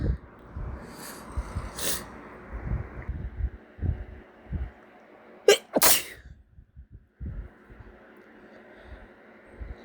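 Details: Person with a stuffy nose from cat allergy: two quick sneezes close together with snuffly breathing and low thumping room noise; sneezing.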